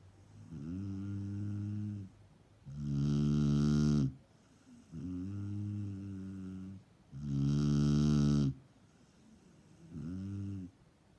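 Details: Snoring: loud, rough, low droning snores alternating with quieter voiced breaths, about 14 a minute.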